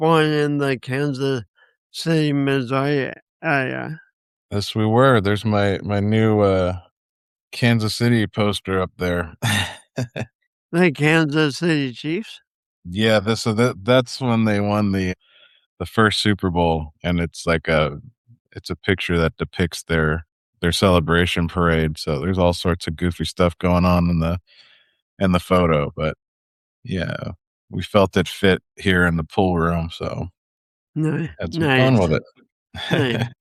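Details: Two adult men in conversation; ordinary conversational speech.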